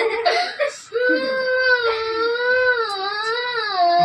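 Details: Child receiving an intramuscular injection in the waist/hip area: sobs, then a long wavering wail in a small room, crying from injection pain.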